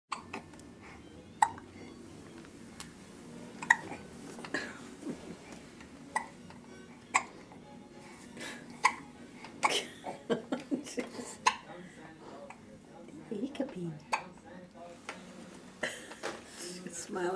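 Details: Two people both have hiccups on Christmas Eve: repeated short, sharp hiccup sounds at irregular intervals over background music.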